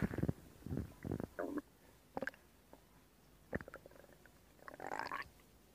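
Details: Stomach growling (borborygmi) from an adult abdomen, recorded as ASMR: intermittent gurgling and rumbling bowel sounds.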